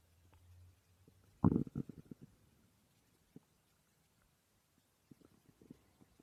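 A loud gurgling rumble, then scattered softer gurgles in a quiet room; normal stomach growling during sleep.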